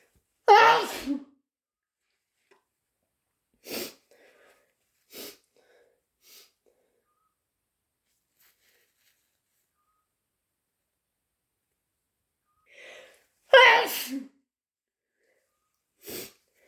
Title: Wet chhinkni sneezes